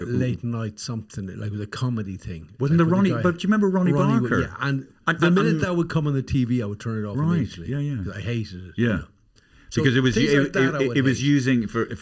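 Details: Adult man with a stammer, especially anticipated during phone calls. Stammer (stuttering).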